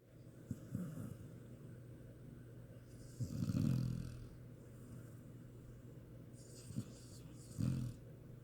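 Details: Sleeping puppy snoring: soft, low snuffling snores with a few irregular snorts over several seconds; ordinary snoring.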